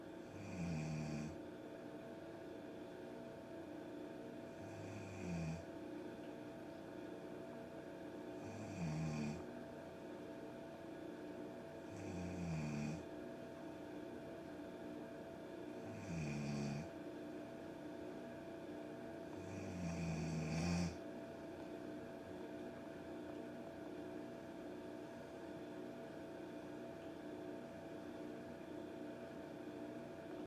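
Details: Adult woman snoring heavily: loud, low rumbling snores about every four seconds, fading out in the last third.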